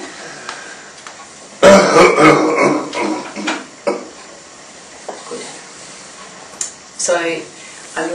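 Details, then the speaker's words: Assisted cough in a man with C4 quadriplegia, left hemidiaphragm paralysis, recovering from pneumonia, lying supine: carer compresses with body weight over forearms on chest and abdomen, shaking at the bottom to move secretions, after a big breath in. "with all of my body weight over the top of his body and at the bottom of the compression i'm giving him a little bit of a shake which helps to tickle secretions up a little bit further"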